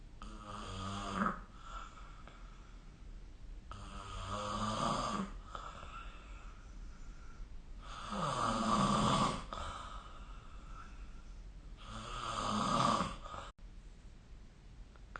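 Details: Loud, rattling snores on each breath in, about 15 a minute, with quiet breathing out between; snoring during sleep.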